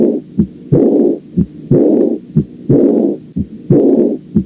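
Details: Auscultation of aortic insufficiency: regular heartbeat near 60 a minute, each beat followed by a long blowing murmur of aortic regurgitation filling the pause.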